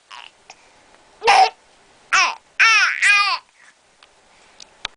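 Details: Girl talking through hiccups: short voiced babbling broken by sudden sharp hiccup catches, with no sustained crying.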